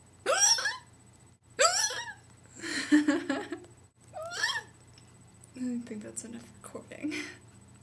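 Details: Sharp, high-pitched hiccups recurring about every one to two seconds, some with a squeaky voiced catch, likened to stepping on a kitten; hiccups.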